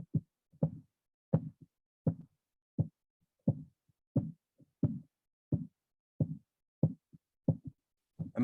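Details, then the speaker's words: Blood pressure measurement heard through a stethoscope: regular soft tapping thumps near 87 a minute as pressure falls from systolic toward diastolic, where the sound disappears; Korotkoff sounds. "going down to the in between beat pressure the diastolic pressure so that's what it would sound like"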